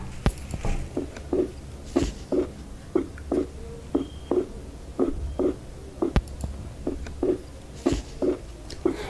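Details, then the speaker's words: Veterinary cardiology auscultation demonstration: regular paired heart sounds near 60 beats a minute, the second sound splitting on inspiration from delayed pulmonary valve closure; normal physiological splitting of the second heart sound. "tô sempre acontece o desdobramento fisiológico da segunda bulha na inspiração tão memorizem isso porque isso é um dado muito importante"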